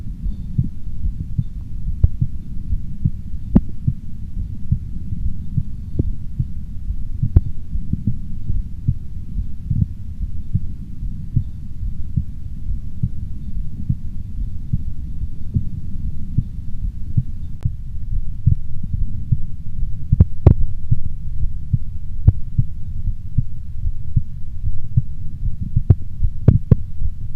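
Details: Self-recorded four-point stethoscope auscultation of one's own heart: muffled, low heart sounds at several chest positions with scattered contact clicks.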